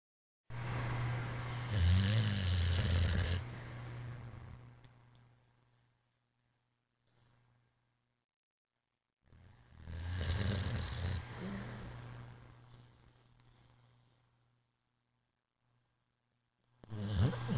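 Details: Female bulldog asleep with loud, low, rattling snores on each breath, about every eight seconds, fading between breaths; heavy snoring.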